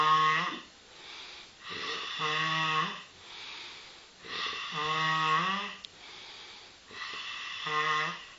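Loud, rattling, somewhat whistling snores on each breath in, roughly 24 breaths a minute, with softer airy breaths out between.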